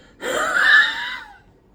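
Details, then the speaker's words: Adult imitating a wheeze while explaining viral induced wheeze versus asthma: a single drawn-out whistling breath out, showing the sound made when forcing air out of the lungs. "Wheeze means a sound which we produce when we are trying to get air out of our lungs and sounds like this."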